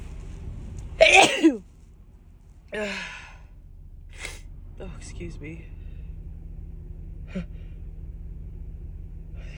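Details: One forceful sneeze near the start, then softer breathy sounds over steady car noise, from a woman sneezing repeatedly in a car, attributed to her dust allergy.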